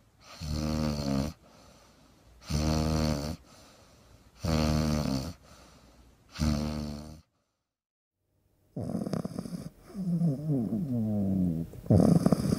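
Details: Pug puppy snoring during deep sleep: four evenly spaced buzzing snores about two seconds apart, then a pause and irregular snorting breaths.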